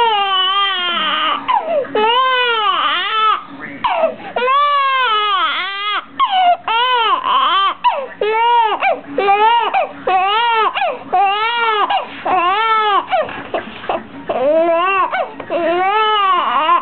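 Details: Baby crying in rhythmic, full-voiced, repeated rising-falling wails with brief breaths between, over faint television sound; ordinary infant crying.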